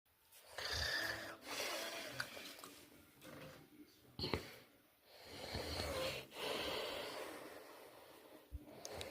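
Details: Person with sleep apnea and snoring: noisy, rough breaths with snorts and pauses between them during sleep.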